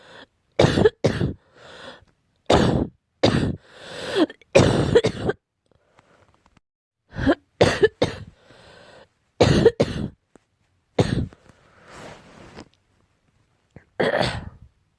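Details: An adult gives repeated harsh, explosive coughs in short clusters, attributed to cat allergy; barking cough.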